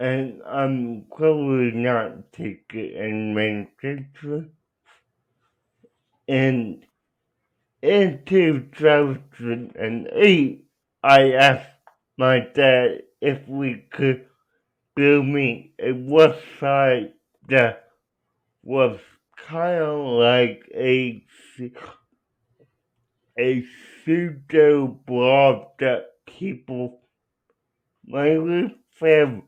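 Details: Adult man with cerebral palsy, real patient answering interview questions; dysarthria.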